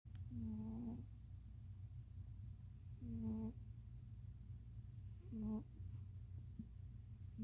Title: little snores followed by cat activation noise #cat #cute #snoring